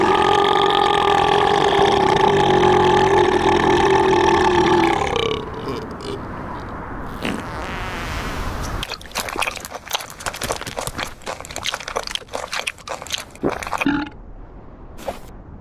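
A long, loud, tonal burp, followed by noisy clatter. Taken from a cartoon or game compilation.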